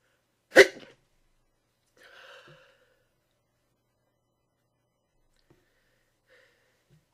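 One abrupt, partly stifled sneeze burst, then a brief soft voiced sound and quiet; a single sneeze.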